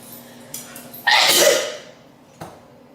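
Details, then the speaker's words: A single sharp, explosive sneeze from a woman filming herself talking to camera, in a quiet room, fading quickly: a sneeze. "Like, I just walked out to, oh, I've sneezed. Oh my god, I've sneezed."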